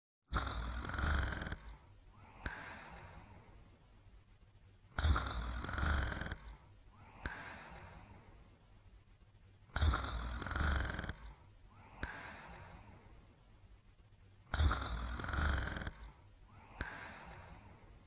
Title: Sleeping & Snoring